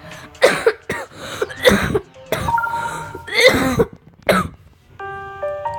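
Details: Adult, who says they got sick, gives a run of about six harsh, wet-sounding coughs over upbeat electronic game music while playing Geometry Dash.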